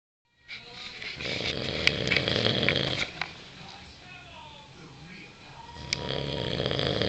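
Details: Person with an unusual snore, recorded by family: loud, harsh, rattling snoring with a rough noisy buzz on each breath, over some background noise.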